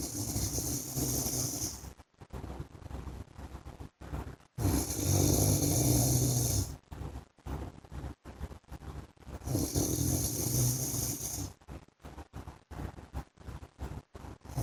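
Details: Loud, rough snores from a sleeping adult man (husband) on three long breaths in, with quieter breathing and small snorts between: snoring.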